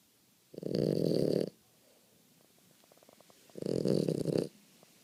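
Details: Boston Terrier sleeping after about three hours of hard play at the park and a bath, snoring very loudly: two loud, rattling snores about three seconds apart, roughly 20 a minute, in a quiet room; ordinary snoring.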